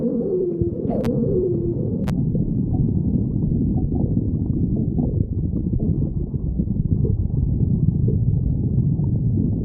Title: stomach growling 9